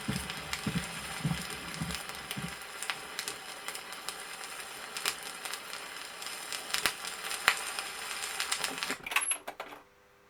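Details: Gallop rhythm from a 1963 Soviet heart-sound teaching record: faint heart sounds at about 110 a minute with a three-part rhythm, under heavy record crackle.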